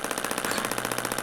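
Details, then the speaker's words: Radial shockwave therapy on calf trigger points of an adult woman with plantar fasciitis heel pain for over 3 years; rapid, steady mechanical tapping like a mini jackhammer as the head fires impact pulses into tissue. "so we turn that on it sounds kind of like a like a mini little jackhammer"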